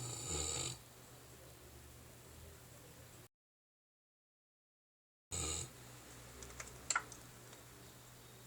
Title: Mastiff Snoring - Renzo